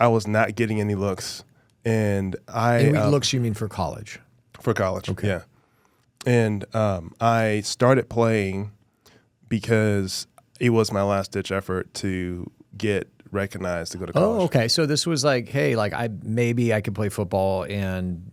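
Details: Adult male former professional football player with a stutter since childhood, described as really bad growing up, always worked on and still present now, with a struggle communicating verbally; stuttering.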